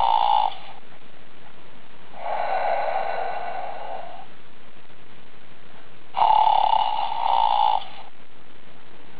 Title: Snoring Bear